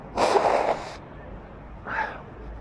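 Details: Adult sneezing after taking a coarse, very sneezy coffee-flavoured snuff (Black Arabica), with snorting beforehand: a strong, breathy sneeze, then a smaller sniff or snort about a second later.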